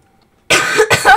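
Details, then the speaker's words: Person with fever, feeling cold and coughing all day, voice affected, suspected illness: two quick, harsh cough bursts after a moment of silence; cough. "Ik hoest best wel veel en heb het ook best wel koud. Ik heb koorts, dus. Dus als ik hoest, dan weten jullie waarom."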